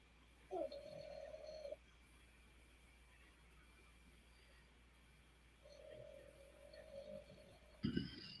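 A dog's snoring: two drawn-out, whistling, droning breath sounds, then a brief snort.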